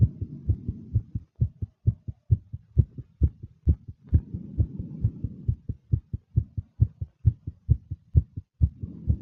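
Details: Fast, nervous heartbeat of a female, rapid and regular at about 130 a minute, with soft breathing sounds rising and falling in the background; tachycardia.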